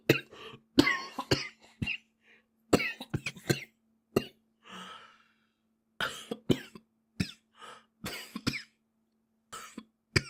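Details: Japanese boy coughing repeatedly in short clusters of sharp bursts, with brief in-breaths between, over a faint steady background hum: a recurrent cough.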